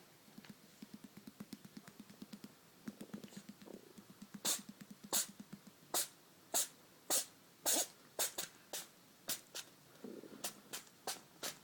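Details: Eddie, a cat with a runny nose, sneezes in a rapid run of sharp bursts; repeated sneezing.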